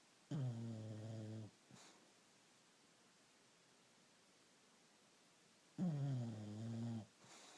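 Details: Bulldog snoring: two loud, low, rumbling snores about five seconds apart, each followed by a soft exhale, with a quiet room between them.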